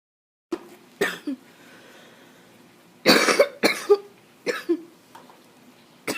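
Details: Adult coughing fit attributed to allergies: about eight short, harsh coughs, several in quick pairs.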